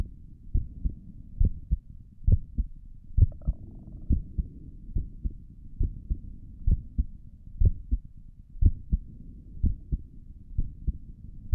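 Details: A person's own resting heartbeat recorded through a stethoscope on the chest for relaxation: steady lub-dub pairs at roughly 65 beats a minute over a faint hiss; normal heart sounds.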